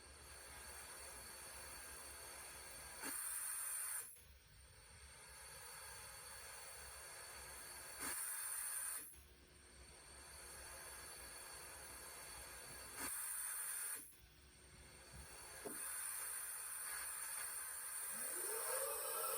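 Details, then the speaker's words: Ventilator performance test run on a test lung: a steady hiss of PEEP control gas through the solenoid, working with the active exhale valve, plus a one-second flow rush about every five seconds. "You can hear that PEEP control gas moving through the solenoid, working in concert with our active exhale valve."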